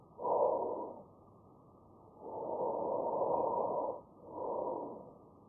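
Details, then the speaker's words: Normal vesicular breath sounds in a respiratory assessment teaching demonstration for paramedics: soft, low, smooth rustling breaths with quiet gaps between them. "So tracheal means both are loud, tracheal and then bronchial is a loud sound, both bronchiovesicular and then vesicular sound is somewhat smoothy sound. So come into the, this is the normal breathing sound, comes into the abnormal breathing sound."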